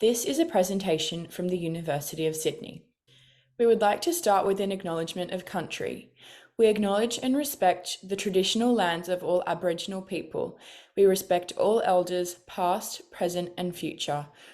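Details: Adult woman; normal speech.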